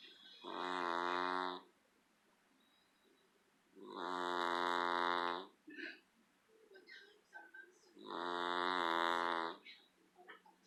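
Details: Three loud, buzzy, voiced snores at about 15 a minute with small rustling between, from a man asleep in his favorite chair, who briefly wakes afterwards; snoring.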